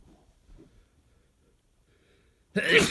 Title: Strong sneezes